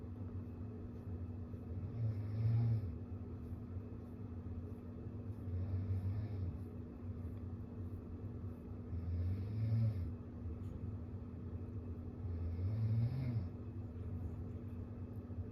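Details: A man (the dad) snoring while a cat licks its fur: low, rumbling snores about every three to four seconds, roughly 18 a minute, over a steady room hum.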